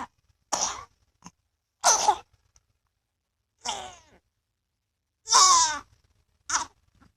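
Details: A person coughing again.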